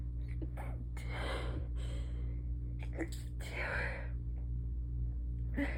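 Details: Rapid fit of stifled, held-in sneezes while lying down, with sharp breaths between them over a steady low hum; stifling makes the fit worse.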